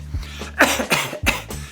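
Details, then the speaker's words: Acted cough in an acting lesson showing how actors get it wrong: two short, light, muffled coughs behind a cupped hand, a token cough without real effort, not a genuine illness. "so your character needs to cough perhaps they're sick perhaps they have an allergy perhaps they just have a dry throat and they need to cough"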